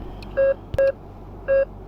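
Three short, clear electronic beeps of the same mid pitch sound over a low room hum. This is the routine beeping of an ICU bedside patient monitor during ordinary operation.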